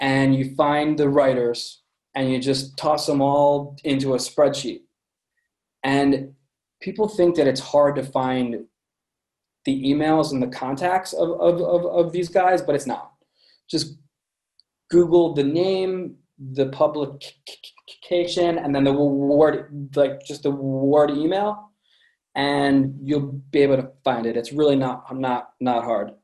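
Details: Adult man with a lifelong stutter present since birth; repetitions in this stretch; stuttering.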